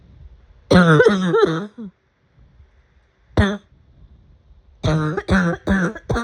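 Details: Bursts of harsh, voiced coughs in quick runs, about eight coughs with pauses between them; an afternoon coughing fit.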